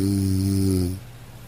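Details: A single steady, low, buzzing snore about a second long, then quiet room noise, from a snoring sound-effect recording.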